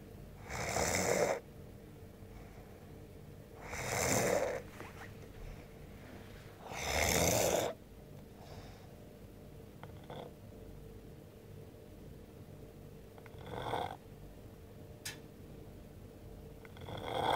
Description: pist asleep on a bench at work, pinching his nose actually makes him snore louder